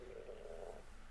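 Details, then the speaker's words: Stomach growling (borborygmi) from a person who says they are hungry: a low, continuous gurgling rumble lasting about a second. "my tummy is growling it's like really confused or god my stomach is growling so bad"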